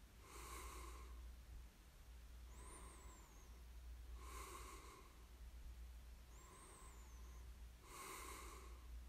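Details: Person snoring during sleep, recorded for ASMR: slow, rough breathing with a snoring rattle on in-breaths, about 7 breaths a minute, and faint whistles on out-breaths.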